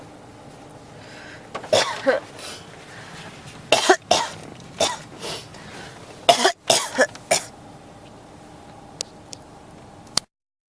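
Repeated harsh cough bursts, about eight over ten seconds, with short gaps between them: a persistent cough.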